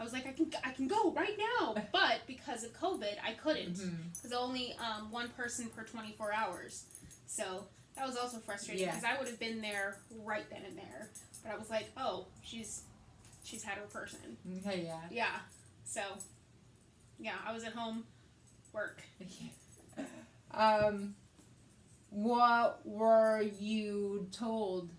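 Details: Woman with aphasia after a hemorrhagic stroke in May 2020 treated with brain surgery, also with right-sided hemiparesis and reading and writing difficulty; aphasia.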